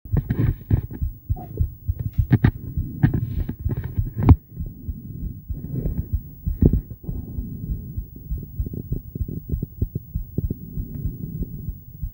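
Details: Rhythmic pulsing whooshes and thumps of an adult female heartbeat picked up by an ultrasonic Doppler device, with breathplay.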